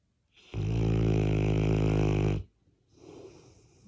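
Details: One long, loud, rumbling, buzzy breath of about two seconds, then a softer breath, from a Labrador dog asleep with his head on the owner's shoulder: snoring.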